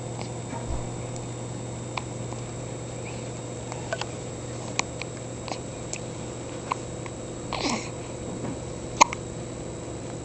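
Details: Hiccups in a 2-day-old newborn: brief, sharp, catch-like sounds recurring at irregular intervals every one to two seconds over a steady room hum.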